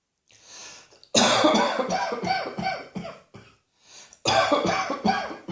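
Several loud, harsh coughs in two bursts separated by quiet breaths; repeated coughing.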